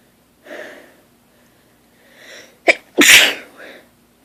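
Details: Person lying in bed just after waking, during a progressively stronger sneezing fit: two rising in-breaths, then a loud explosive sneeze with short lead-in burst and trailing exhale; sneezing.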